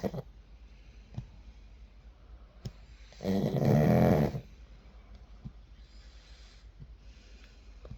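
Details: Pug dog snoring in sleep: one loud, rough, rattling snore between quiet breaths; snoring.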